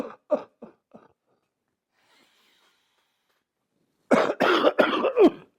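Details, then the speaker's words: Cardiologist's demonstration of cough CPR (self-CPR) for suspected heart attack chest pain: after striking lower sternum and two deep breaths, deliberate vigorous artificial coughs in two runs, four then about five, separated by a pause. "मुक्का मार के तो आपने लंबा सांस लेना है दो दफा सांस लेना है फिर आर्टिफिशियल कफ यानी नकली खांसी करना शुरू कर देनी"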